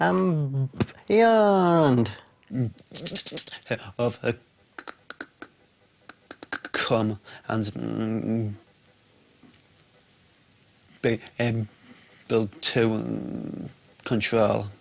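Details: Severe lifelong stammer in an adult student on the McGuire stammering course; stuttering.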